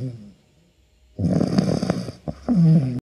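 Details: Sleeping female shih tzu puppy snoring: snoring.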